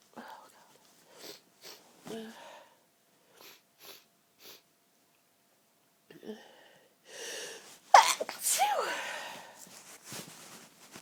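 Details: Sneezing fit, one of many that afternoon: a run of short, rapid, intense sneezes with gasping breaths in between, building to several loud, forceful sneezes.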